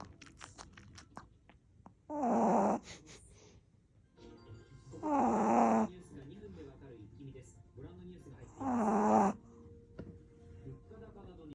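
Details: Small black-and-tan Chihuahua puppy snoring in three loud, rattling bursts about every three seconds, louder than a human's snoring, with television talk in the background.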